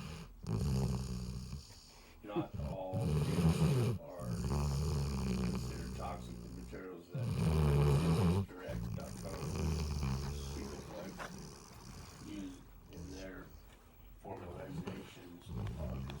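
Repeated deep, rumbling snore cycles, each a few seconds long with short pauses between, typical of a sleeping dog snoring.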